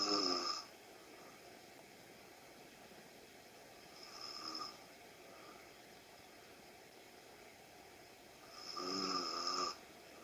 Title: Asleep and snoring